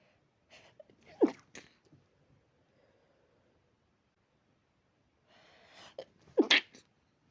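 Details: Dog with possible allergy: two sharp sneezes about five seconds apart, each preceded by a quick intake of breath; allergic sneezing.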